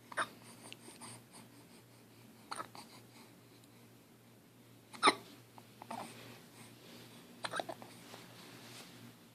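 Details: Infant aged 9 weeks with hiccups: sharp, brief catching sounds about every two and a half seconds with soft breathing between.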